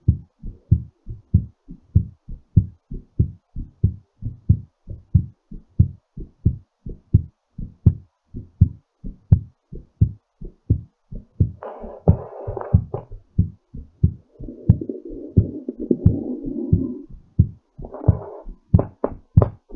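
Strong, quick, regular low heartbeats about 90 a minute, with brief rustling noise partway; a normal heartbeat recovering after exercise.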